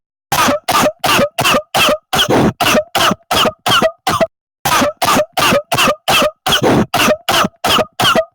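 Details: Two runs of about ten rapid, evenly repeated short dry coughs separated by a brief pause; coughing from a 10-minute coughing compilation.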